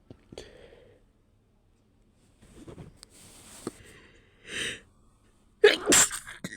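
Muffled, held-in sneezes with a pinched burst of air, ending in a louder sharp sneeze; stifled sneezing with the nose held.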